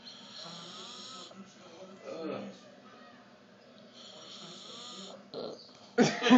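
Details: Soft rhythmic rattling snoring breaths with a whistling, squeaky edge, ending in a sudden loud noise; snoring recorded in the dark.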